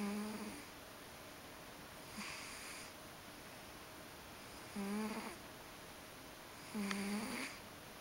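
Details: Ragdoll cat sleeping comfortably and snoring, soft buzzing snores at about 28 breaths a minute in a quiet room.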